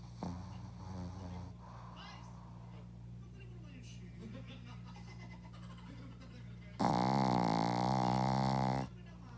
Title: Hoki loves to snore❤️